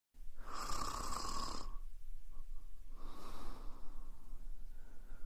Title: Ronquidos de mujer/Woman snoring